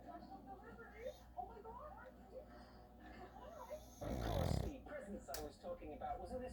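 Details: Pug (flat-faced dog) snoring while asleep: low, rattling snuffles and snorts with one louder snort.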